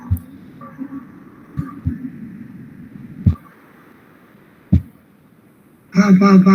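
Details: Patients with dysarthria from ALS and Parkinson's disease on a rapid 'pa-pa' repetition task: the ALS patient manages about one syllable per second, and the Parkinson's patient is slower than normal; impaired diadochokinesis (slow syllable repetition) in dysarthria.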